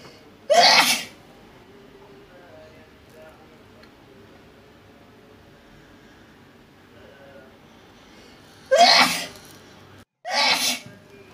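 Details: Three loud, forceful sneezes with long pauses between the first two, over faint background noise; sneezing fits induced during a nasal allergy (resdung) treatment.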